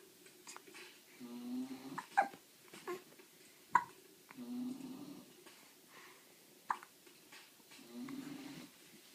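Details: Hiccups: quiet snuffly breathing broken by a few sharp, abrupt clicks a few seconds apart, with a fire in the background.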